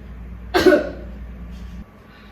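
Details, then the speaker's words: Simulated effective cough by a nursing student's patient with pulmonary tuberculosis after nebulizer therapy: seated, deep breath held 3–4 seconds, then one forceful cough to clear phlegm. "Ibu saya ajarkan batuk efektif mudah mengeluarkan dahaknya ibu-ibu bisa Tarik nafas Ibu tahan 3-4 d3bu lalu batu keyboard ya Bu"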